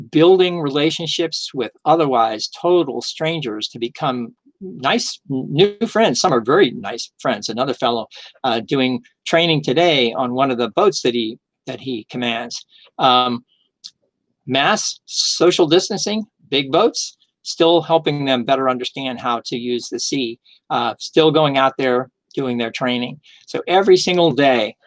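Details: Adult male three-time stroke survivor with aphasia since his first stroke almost nine years earlier, still regaining language; mild aphasia.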